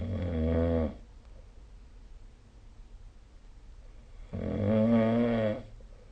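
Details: Snoring during sleep recorded with the SnoreLab smartphone app: two loud, rattling, low-pitched snores about 4 seconds apart with quiet breathing between.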